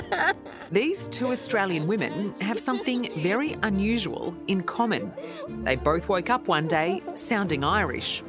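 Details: Adult female narrator; Normal speech.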